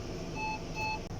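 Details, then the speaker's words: Portable ventilator in an ambulance, switched on with the power button after the oxygen cylinder is opened: two short high electronic beeps over engine rumble; a power-on alert. "You press this power button. Open oxygen cylinder. The moment you on,"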